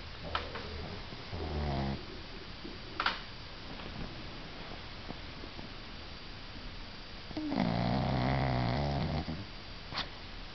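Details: A sleeping pug makes rough, fluttering snores on the in-breaths about six seconds apart, with a few soft clicks between them, in a quiet room: snoring.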